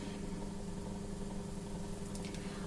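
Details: Suction machine running during an educational nursing demonstration of oro-nasopharyngeal suction: steady low motor hum with a constant droning tone.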